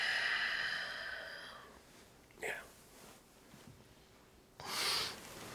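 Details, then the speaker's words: Acted sleep scene of an adult man with snoring, poor sleep and chronic fatigue: a brief snort, a pause in breathing, then a sharp gasp; an obstructive sleep apnea episode. His wife says he seems to stop breathing. "My wife says that it sounds like I actually stop breathing in my sleep."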